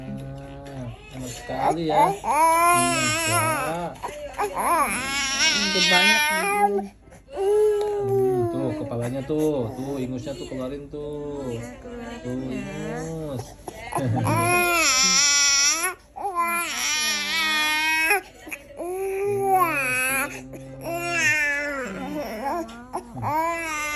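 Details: An infant with a cough and cold cries in repeated loud, wailing bursts with breaths between, in a small room.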